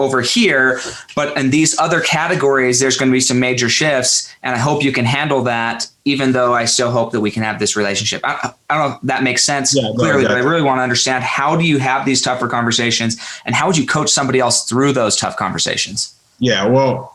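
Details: Adult man speaking; normal fluent speech.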